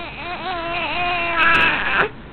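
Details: A short, rising, tonal wail of about two seconds from a drooling baby boy who has hiccups while playing on a bed, then breaking off; a brief infant cry.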